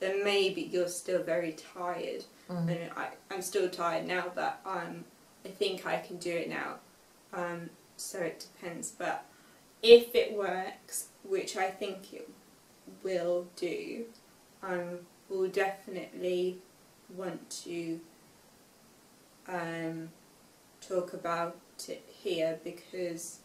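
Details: Young woman with aphasia after a stroke at age 18, five years post-stroke, reading aloud an unseen text with difficulty, word errors and self-corrections; aphasia.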